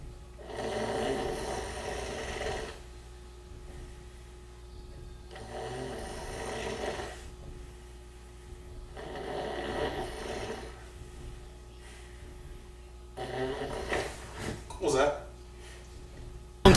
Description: ever snore so loud you wake yourself up?